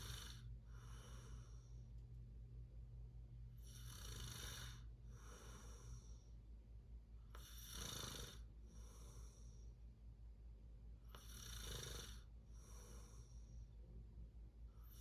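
Steady rhythmic snoring, a rough low rattle with each breath at about 16 breaths a minute, hissing exhalations between, in a quiet room.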